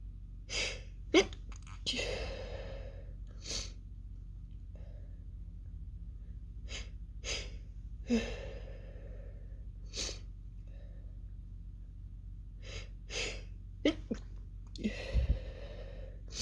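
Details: Female sneezing fit of muffled, almost fully stifled sneezes with sharp catching inhalations and breathy bursts over steady low room hum; the fit ends with an explosive sneeze and a nose blow.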